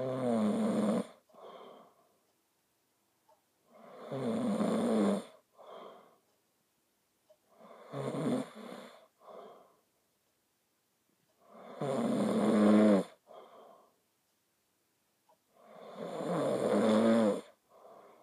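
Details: Person snoring: loud rattling snores on each in-breath with softer sounds between, about five cycles in eighteen seconds, roughly 15 breaths a minute.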